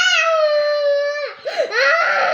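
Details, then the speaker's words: Young child crying loudly in a sustained wail, briefly breaking off, then crying again; the child is upset about being taken for a haircut before Eid. "Minute ধরে কান্দেছে। হয়েছে হয়েছে, বন্ধ কর, কান্না বন্ধ কর, কান্না বন্ধ কর।"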